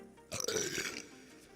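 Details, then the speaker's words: Burp by a singer, from a compilation of his burps: one brief, raspy belch under a second long in a quiet room. "so if you burped the loudest that meant you were the most grateful for the meal burping is not seen as rude in my family it's okay you burp and you talk with it"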